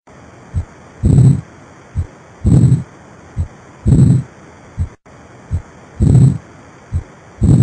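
Regular paired lub-dub heart sounds at about 43 beats a minute, steady low hiss behind; a taught normal heart auscultation example.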